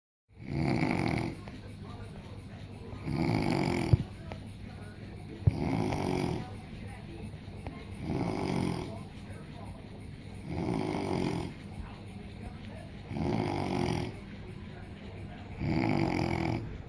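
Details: Loud, regular rattling snores on each inhalation, about 24 per minute, with quiet pauses between them; a sleeper passed out cold.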